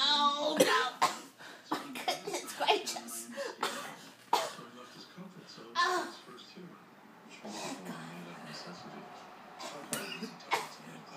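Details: A child's run of short, forced coughs mixed with voice and laughter in a small room; fake coughing as a morning routine to try to get out of school.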